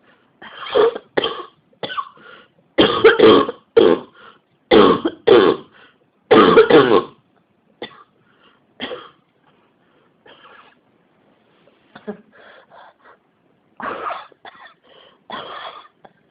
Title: 咳が止まらないです。 cough 19